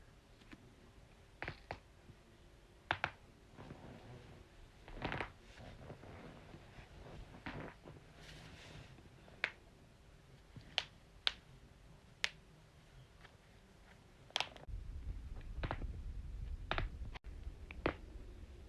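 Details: Compilation of neck and back cracks: a series of sharp, dry pops and clicks in a quiet room, joint cracking.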